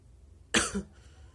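One sudden, explosive, hissing burst with a short wet tail: a single sneeze.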